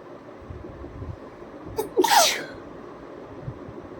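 One loud, sharp sneeze with a short in-breath before it, over low background rumble; a deliberate, staged sneeze.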